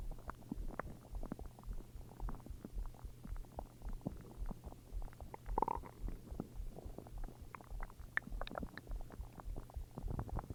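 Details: Low, continuous stomach rumbling with frequent faint gurgles and crackly pops over a steady hum, ordinary stomach growling; bowel sounds (borborygmi).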